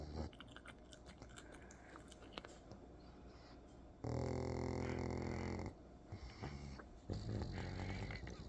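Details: Snoring in a pug sleeping on its side: a long, loud, buzzing snore and a second shorter one over a noisy, rustling background.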